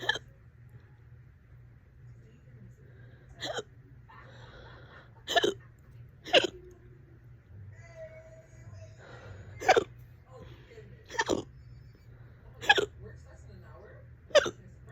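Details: Fast, loud hiccups in a bout lasting about 30 minutes, on and off all day: nine sharp vocal catches in about 15 seconds, roughly 36 a minute; ongoing hiccups (singultus).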